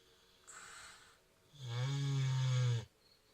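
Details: Soft breathy intake, then a loud, low, buzzing snore lasting over a second from a sleeping female mini pig; ordinary snoring.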